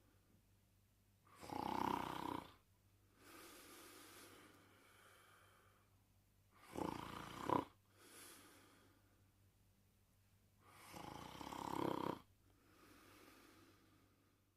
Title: Porkchop Sleeping & Snoring